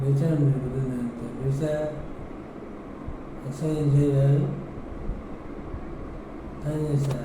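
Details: Adult male with unilateral vocal fold paralysis, heard during voice therapy; hoarse voice (dysphonia) from one-sided vocal fold paralysis.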